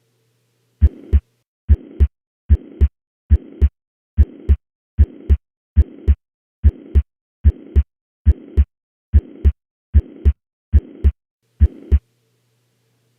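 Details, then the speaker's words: Mitral regurgitation murmur heard at the right upper sternal border, with changed murmur, S1 and S2 intensities versus the apex. Regular heartbeat near 75/min with a soft blowing holosystolic murmur between first and second sounds. "listen to its changed intensity as well as the changed intensities of S1 and"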